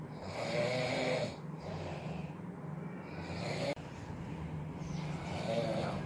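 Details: Father snoring in sleep: two long, rough, rattling breaths with a low vibrating tone, steady room noise behind.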